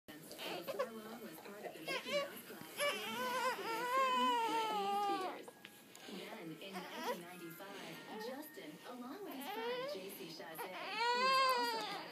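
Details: Infant during first tummy time: repeated wailing cries with brief pauses between bursts; ordinary infant crying.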